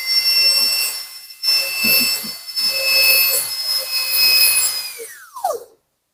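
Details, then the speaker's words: High-speed dental handpiece with a 330 bur cutting a Class II MO amalgam prep on a maxillary second premolar (tooth 4), bench demonstration. Shrill whine in bursts, winding down at the end. "When you are drilling, it is better to drill pumping motion, little by little, up and down, not just pressing it all the way down."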